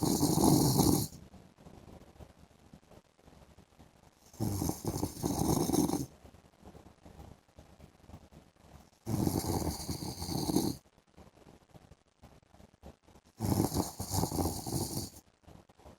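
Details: Adult man snoring during an afternoon sleep: loud rattling snores about every 4.5 seconds, roughly 13 breaths a minute, with quiet exhalations between; ordinary snoring.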